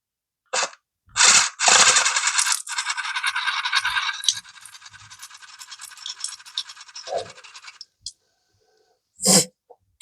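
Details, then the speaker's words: Battery-powered nasal irrigator flushing the nose on day one after septorhinoplasty; loud hissing spray and sputtering gurgle of water. "but it's the N Med uh Sun Gator but it works really good"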